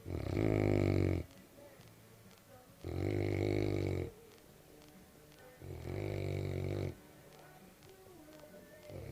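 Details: Snoring in a senior Cane Corso dog asleep in the morning: three loud, rumbling, vibrating breaths about three seconds apart, with quiet pauses between them.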